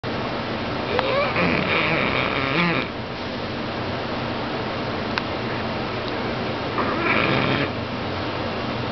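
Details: Chappy sleeping deeply on a couch gives two rough, rattling snores about six seconds apart, with steady quiet room noise between them; snoring.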